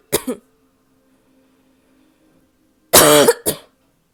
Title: barking cough (f)